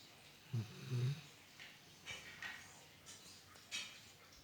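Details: Pet dog snoring loudly while asleep, loud enough to wake the owner at night: short low rumbling snorts with a few fainter breathy noises after.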